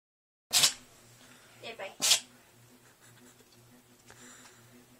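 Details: Cat in a sneezing fit, owner suspects food stuck up her nose: two sharp, hissing sneezes about a second and a half apart, with a softer snuffle between, in a quiet room.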